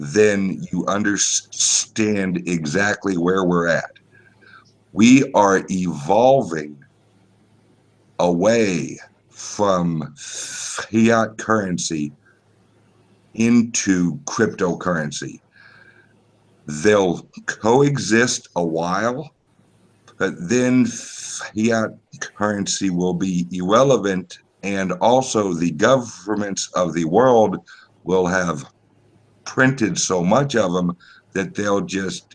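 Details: Male podcast guest's self-reported speech impediment, type not named; disfluent speech with sound prolongations heard. Finding: speech impediment.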